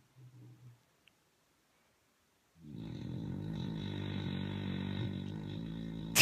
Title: Bulldog Super Power Snore